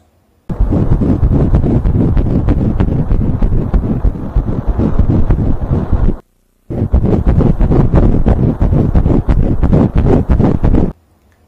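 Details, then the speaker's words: Fetal heartbeats of twins on ultrasound Doppler: two runs of rapid whooshing pulses, about 170–190 beats a minute, first one twin then the other, normal fast rhythm. "그건 뭐냐면 이번에는 먼저 그리고 나중에 심장 뛰는 소리를 우리가 들을 거예요. 먼저 듣는 친구가, 그 다음 듣는 친구가."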